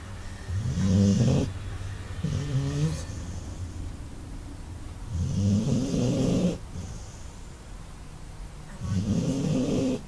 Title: Busta snoring..